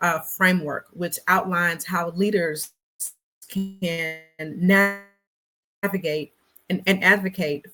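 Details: Real stuttering in an adult black woman who describes herself as a person who stutters, in a conversational interview with word repetitions; stuttering.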